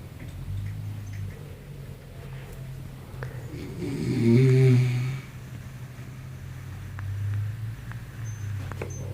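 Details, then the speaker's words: A loud, low, rattling snore on an inward breath, with quieter breathing around it; heavy snoring. "But you see, the difference in this fight is that he's always going to be the one that's knocked out."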